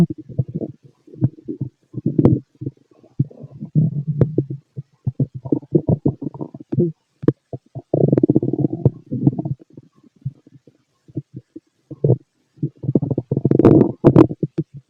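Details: Fit male's growling stomach, tagged with stethoscope: irregular gurgling and rumbling bursts with short gaps, active bowel sounds.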